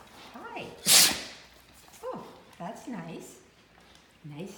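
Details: Great Dane dog lying relaxed on her back gives a single sharp, explosive sneeze, then stretches before play; gliding whines or voices around it.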